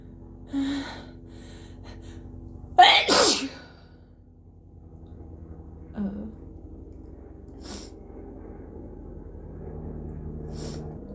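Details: Forceful sneezes with increasing congestion: a sharp gasping intake, then an explosive, wet-sounding sneeze followed by sniffing; a congested sneeze.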